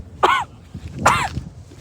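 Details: Two harsh voiced coughs about a second apart outdoors after breathing in smoke from a passing freight train; irritant cough.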